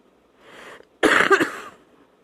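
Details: Night-time cough that wakes the person, bringing up and spitting out phlegm; wet cough.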